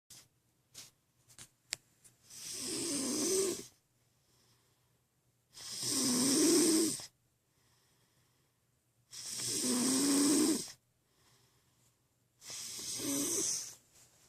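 Four loud, harsh snores with quiet pauses between, about 17 breaths a minute; steady snoring during sleep.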